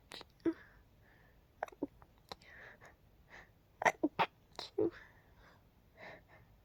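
Several short, muffled, suppressed sneezes with soft breaths between, over faint room noise; stifled sneezing.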